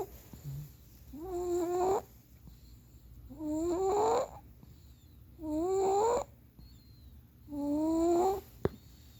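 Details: Sleeping infant boy, deep asleep, gives four loud, tonal snores about 28 a minute, each rising in pitch like an air raid siren, with quiet gaps between: snoring.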